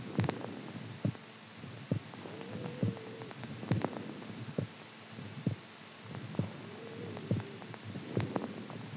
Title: HEARTBEAT SOUND SLEEPING STRONG